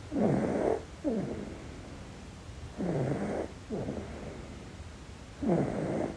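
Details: Sleeping infant in deep sleep snoring softly and rhythmically, paired noisy breaths in and out about every 2.5 seconds; quiet infant snoring.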